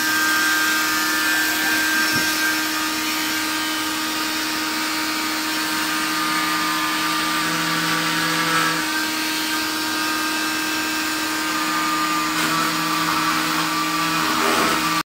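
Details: Oscillating cast saw removing a cast after a left ankle fracture sustained at a football game: steady high motor whine with grinding as the blade cuts through the cast.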